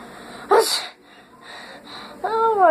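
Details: Simulated sneezes with eyes open, admitted fake: two sharp forceful sneeze-like bursts with a quiet in-breath between; sneezing.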